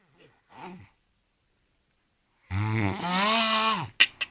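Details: A loud, drawn-out rumbling breath with a groaning, voiced quality, followed by short snorts; a vigorous snore.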